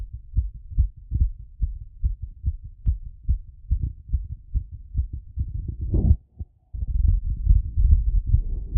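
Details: Heartbeat auscultated with a stethoscope after a workout and squats: fast, strong beats at roughly 140 a minute, with brief handling noise; tachycardia after exercise.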